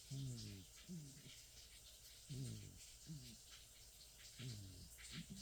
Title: Sabre the 27 year old cat snoring and twitching in his sleep.